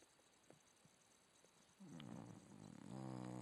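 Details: Staffy-type dog ("staff") snoring: soft breathing followed by a rising, fluttering snore in a quiet room, brief and low in volume.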